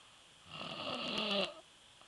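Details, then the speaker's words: Young stepson asleep and snoring after a night out with fireworks: a single harsh, rattling snore about one second long on a breath in; ordinary snoring. "That boy's sawing some logs."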